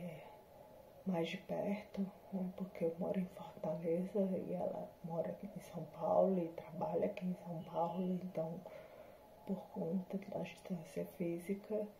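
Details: Adult woman with spinocerebellar ataxia type 7 (SCA7), a hereditary, progressive degenerative disease with symptoms since 2018, recorded after neuromodulation combined with speech therapy and physiotherapy; ataxic dysarthria.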